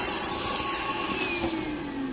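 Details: Podiatry rotary grinder whirring with a gritty scraping edge, slowing slightly, grinding down thick, uneven calluses on a man's foot during a nail-care visit; nail fungus samples also taken.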